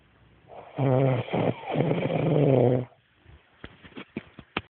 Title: My wife is snoring